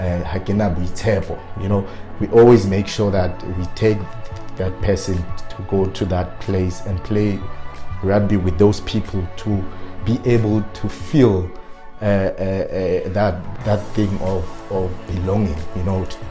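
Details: Adult man with stuttering who self-coached to work on his fluency but still stutters on certain words; stuttering.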